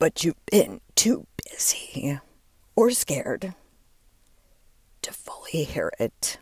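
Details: Adult woman with diagnosed spasmodic dysphonia, onset when her voice started to go and words barely came out while speaking at an event; she links it to stress and says it is still audible as she works through it.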